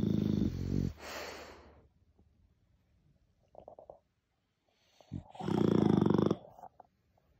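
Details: Sleeping French bulldog snoring: loud, rattling snores separated by quiet pauses between breaths.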